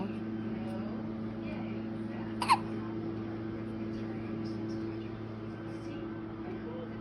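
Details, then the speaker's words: Infant girl, wide awake, giving a single brief, sharp hiccup over a steady low background hum; ordinary hiccups. "You are wide awake, aren't you, pretty girl? Wide awake. With your hiccups."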